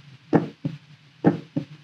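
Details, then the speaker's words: Normal heart sounds of an adult man recorded through a stethoscope as a reference for camera heart-rate measurement: two regular lub-dub beats at about 64 a minute. "Because of that stethoscope, remember that, we've got the sound of the heartbeat as well."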